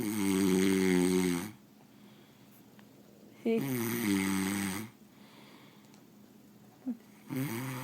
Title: What snoring? I couldn't hear a thing!